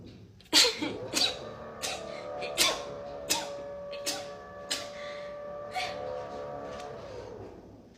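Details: Rapid sneezing clip from a compilation, with allergies mentioned: about eight quick, sharp sneezes in a rapid run over steady background music.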